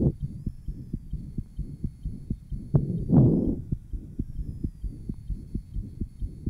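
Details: 1955 Johns Hopkins heart sound laboratory recording, patient with interventricular septal defect, possible persistent ductus arteriosus, at aortic area; fast regular heart sounds with low rushing murmur between beats: ventricular septal defect murmur.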